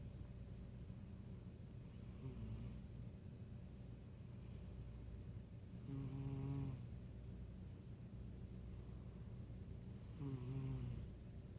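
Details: Cat snoring during a nap: soft, low, buzzing snores on each breath, about every four seconds, over steady room hum.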